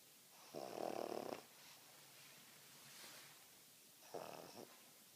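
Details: Finley, a male, asleep: two rough, rattling snore sounds a few seconds apart over quiet room noise; snoring.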